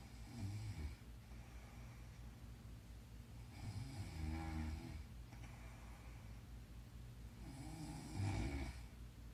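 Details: Woman snoring in her sleep: low, rumbling snores on each breath in, about three in nine seconds, with quieter breathing between them.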